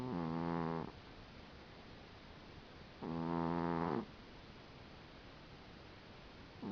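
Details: Dinah the cat snoring while asleep: two long, buzzy, tonal snores about three seconds apart with quiet pauses between.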